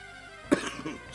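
A single short, sharp cough from an adult over soft background game music.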